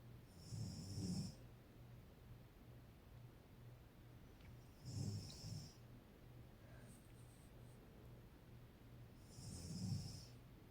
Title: My Mom Snores like Pocoyo